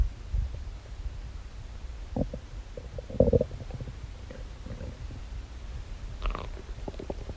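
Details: A person's own stomach noises, low rumbles and scattered bubbly gurgles, churns and groans of active bowel sounds, recorded over two days.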